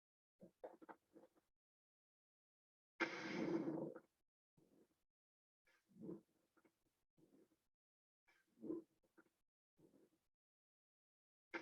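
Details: Teaching example of crackles (rales): breath sounds with short, irregular popping crackles, a sign of fluid in the lungs.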